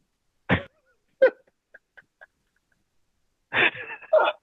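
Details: Two short dry cough bursts then a harsher double cough from an adult man isolating with the "spicy cough" (COVID-19), recorded during a podcast with poor audio quality; cough.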